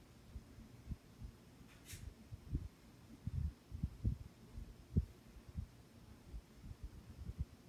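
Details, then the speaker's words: Nurse practitioner student's practice exam of an adult with frontal headaches for 3–4 weeks: soft, low heartbeat thumps through a stethoscope against a quiet humming background while the patient breathes normally. "And then I'm just going to listen to your heartbeat, so just breathe regular. Just breathe normal."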